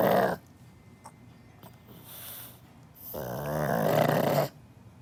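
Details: Pug dog snoring loudly enough to keep the owner awake: loud rasping, fluttering snores with quiet pauses between breaths; snoring in a sleeping flat-faced dog.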